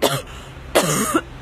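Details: Cough.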